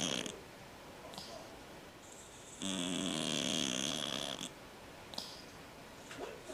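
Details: Male cat, noisy breathing from a condition he had as a newborn, now fine, snoring very loudly: one long, loud, rattling buzz on a breath between quieter, brief breathing noises.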